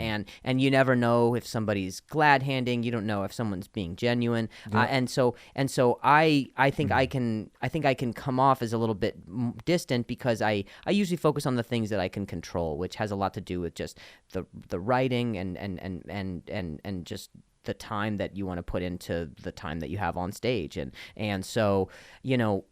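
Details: Adult male whose stutter followed an injury, long a source of insecurity, and has gotten much better; stuttering.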